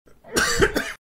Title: Sound Effects Check 3 - Cough